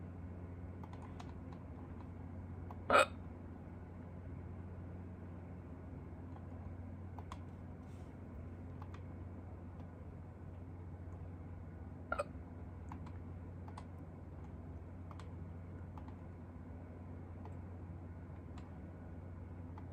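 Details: Two sharp, brief hiccup catches about nine seconds apart over steady room hum with faint background clicking, in a person who had hiccups for the first time in a long time; hiccups.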